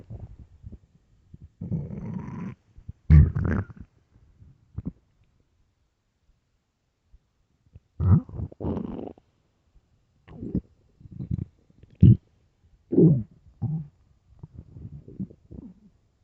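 Irregular low gurgles and rumbles with quiet gaps; ordinary stomach growling from an empty stomach.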